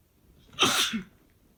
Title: Boyfriend’s allergy sneezes (M)